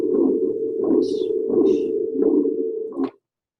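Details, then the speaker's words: Heart sounds at the aortic area of a patient with advanced aortic stenosis: regular beat near 90 a minute with a loud, harsh, whooshing low-pitched murmur over each beat. "It still has the beat, you know, that kind of steady beat, but it's got that extra noise in there. Um, a low pitched murmur."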